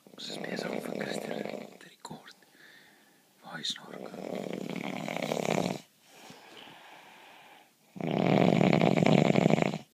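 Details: Adult man snoring in a shared room: loud rough rattling breaths, several in a row, each a few seconds long, with quieter breaths between; heavy snoring.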